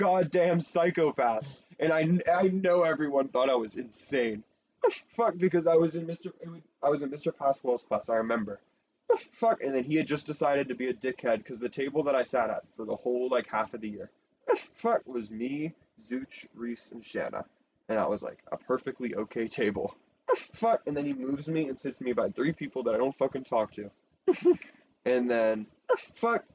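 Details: Person who says they have Tourette syndrome; frequent censored interjections likely vocal tics, possibly coprolalia, during ordinary speech: vocal tics (coprolalia)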